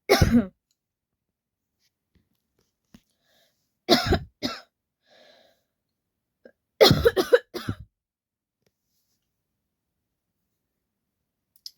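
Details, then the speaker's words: An adult woman with a cold and an irritated throat who is taking cough syrup, with a real rather than staged cough: three short bouts of coughing separated by quiet pauses. "और मुझे जो है खासी भी मतलब real वाला खासी real वाला कफिंग जो है वो मुझे हो रहा है"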